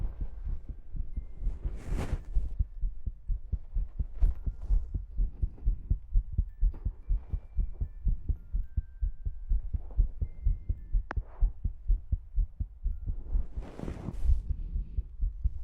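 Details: ASMR recording: steady low thumping heartbeat sound at about 125 a minute, with occasional tongue clicks, mouth sounds and rustling over it.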